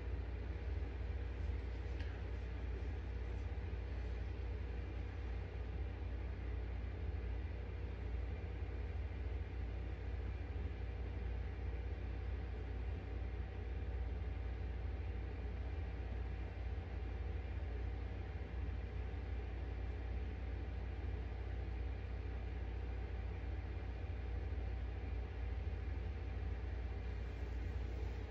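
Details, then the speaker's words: Patient lying nearly flat; stethoscope over the arteries of the GI tract during an abdominal assessment: a steady low rumble with no whooshing sounds; normal arterial auscultation with no bruits. "Okay. And everything sounds good there. There's no whooing or breweries."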